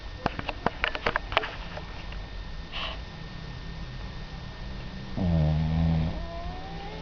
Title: Gizmo Snoring